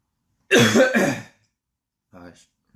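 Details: An adult male coughs in a quiet room: two rough, voiced coughing bursts close together, then a brief quiet vocal sound after a pause.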